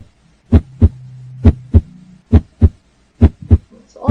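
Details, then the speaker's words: Regular paired low thumps, lub-dub at about 67 beats a minute with a faint background hum; normal first and second heart sounds from valve closure, played in a biology lesson on the heart. "okay okay sound is produced by closing of valve okay in the heart okay by closing a valve in the heart okay"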